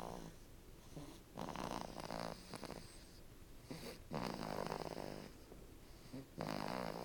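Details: Sleeping dog snoring: raspy, snorting snores in irregular bursts over some room noise.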